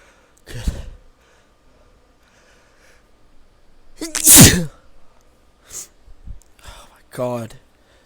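A quick inhaled build-up followed by one loud explosive burst, then soft voice sounds; a single sneeze.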